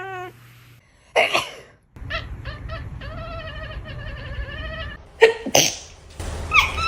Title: When a cat hears a person sneeze